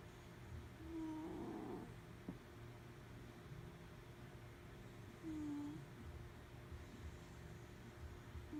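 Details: A sleeping cat snores softly with a faint whistling squeak on breaths about four seconds apart.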